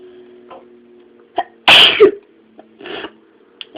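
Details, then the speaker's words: A sneeze triggered on purpose by putting a twisted tissue end into one nostril to tickle it: a quick in-breath, then one loud explosive sneeze with a voiced tail and quiet sniffing, over a steady hum. "And then it's just going to start to tickle. And then you just go like this. Kind of makes me teary-eyed."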